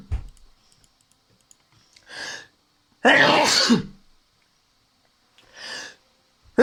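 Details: Person sneezing while playing a computer game: one loud explosive sneeze between softer breathy exhalations in a quiet room, with faint keyboard clicks; sneezing.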